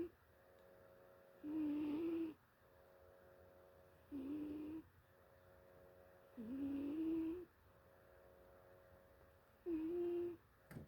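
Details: 2-year-old cat asleep, snoring: four slow, drawn-out, high-pitched squeaky whistling sounds a few seconds apart, with quiet gaps, about 22 breaths a minute.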